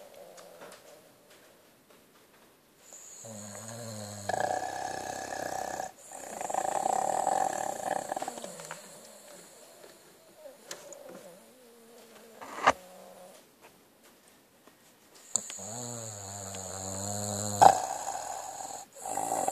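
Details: Sleeping, dreaming dog snoring: long, rough, vibrating breaths with some throaty snorting between them.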